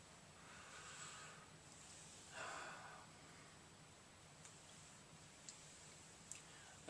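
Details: Adult man with Tourette syndrome, usually suppressing tics, demonstrating unsuppressed tics: quiet breathy exhales and a short snort-like burst with faint clicks, subdued simple vocal tics.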